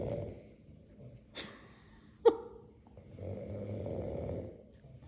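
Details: Grandma snoring: loud, rattling, drawn-out heavy snores with a brief sharp snort between them, against quiet room noise; likened to a water buffalo or pig.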